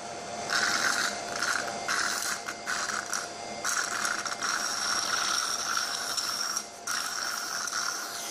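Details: Electric child nasal aspirator suctioning 10 ml water then 10 ml extra-strong hair gel as a secretion stand-in (demonstration, not a patient): steady mechanical whirring and rattling suction with brief dips.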